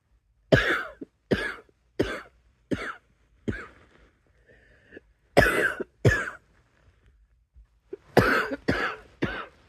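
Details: Adult coughing fit: about ten coughs in quick runs, with short breaths drawn between the clusters.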